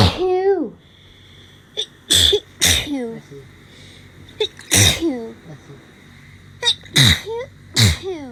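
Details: Hay fever sneezing fit during a week of bad allergies: rapid bursts of loud, voiced sneezes, about six in eight seconds, with gasping breaths between; allergic rhinitis.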